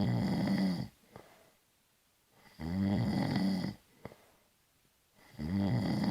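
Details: Snoring sound effect.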